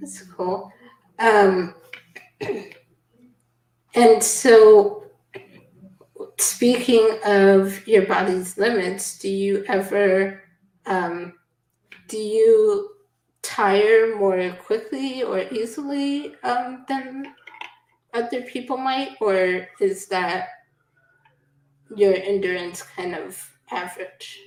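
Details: Adult speaker; typical speech.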